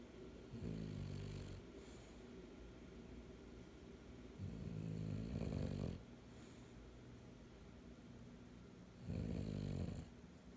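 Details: Low, rumbling snores on each breath, about 14 a minute, over steady room hum; snoring during sleep.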